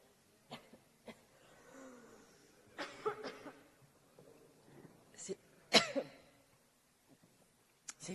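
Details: Repeated sharp coughs and throat-clearing, several bursts in quick succession: a coughing fit from an adult female minister speaking in the French National Assembly during the COVID-19 crisis.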